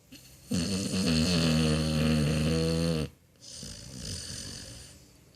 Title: Snoring Dog